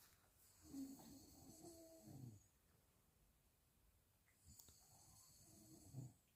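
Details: Father snoring while his newborn baby cannot sleep: soft, rumbling snores on breaths in, each ending in a snort, heard quietly across the room; snoring.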